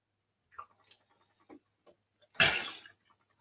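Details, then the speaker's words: Koko, a gorilla raised with humans for 39 years, does a sneeze and then a cough on request, showing voluntary control of airflow through the vocal tract; voluntary sneeze and cough. "that was good you did a sneeze and then a cough excellent yeah so here coco is able to voluntarily control air exploration up the vocal tract"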